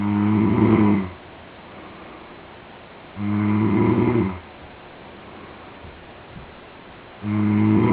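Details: Male friend, unaware he was being recorded, snoring during sleep: loud, rough, rattling breaths about once every four seconds with quiet gaps between them.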